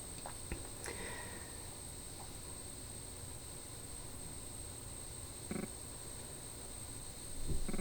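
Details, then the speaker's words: Snoring from a female pet dog lying beside the speaker, described as snoring up a storm, heard faintly in the background while she talks. "if you hear any noise in the background my dog is laying right here beside me and she's she is snoring up a storm right now so if you can hear that I apologize"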